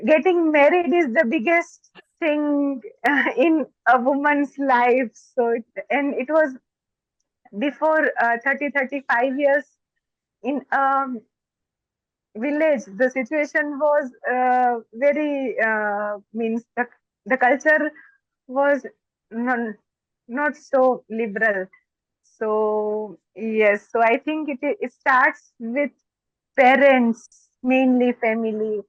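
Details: Adult woman, a doctor, who stammers, and more so when excited; stammering (stuttering).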